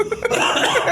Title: ketawa sampai batuk🤣